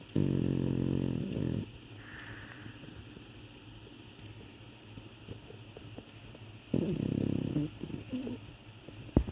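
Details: Boston terrier snoring: two loud, rattling snores separated by quiet breathing, with a snort-like catch on the second.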